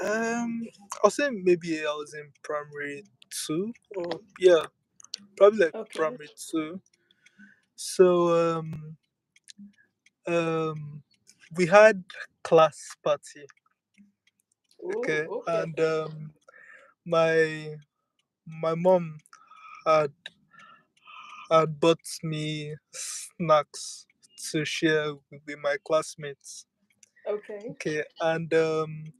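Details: Woman with stuttering she says is inherited (her mother also stuttered), with audible word repetitions; stuttering.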